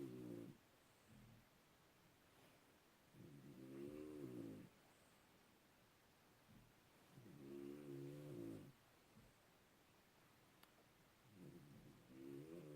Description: This dog needs a cpap machine or something...